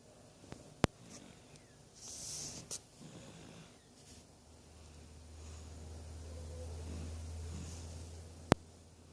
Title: The vioce of my baby snoring